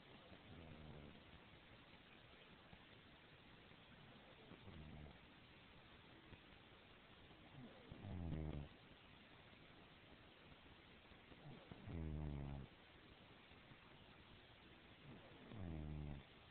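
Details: A friend sleeping after a long night out: low rattling snores, about four in sixteen seconds, over steady background noise; snoring.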